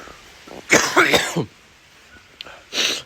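A quick cluster of four harsh coughs, a short pause, then one more forceful cough.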